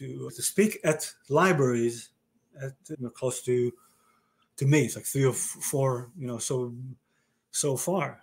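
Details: Male stroke survivor diagnosed with aphasia after a stroke about 30 years ago, in conversation with word-finding difficulty; aphasia.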